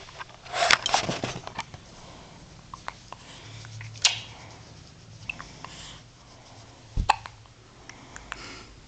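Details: Newborn baby only a few days old with hiccups: three abrupt hiccup sounds roughly three seconds apart, with rustling and room noise.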